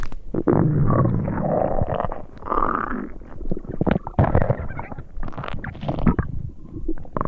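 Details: Simulated upset-stomach sound effect: loud, drawn-out gurgling and growling rumbles in bursts over several seconds, imitating stomach rumbling.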